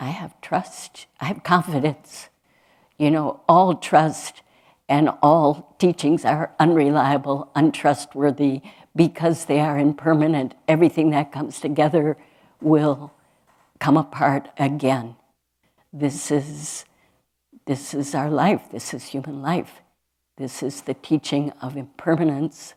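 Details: Adult woman speaking; normal speech.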